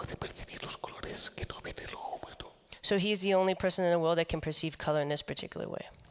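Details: Adult man with the neurological disease dystonia, which in his case causes uncontrollable neck movements and can affect other body parts; he says this is why he lacks a real tone of voice; whispered, breathy voice.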